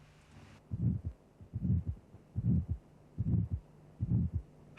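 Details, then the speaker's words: Simulated auscultation teaching recording at about 73 a minute: each beat carries a triangular, crescendo-decrescendo rumbling murmur after the first sound, timed with the pulse, an ejection systolic murmur of aortic stenosis. "first note the m m is systolic in time with the pulse the murmur has a triangular sound envelope increasing to a peak intensity then decreasing rapidly"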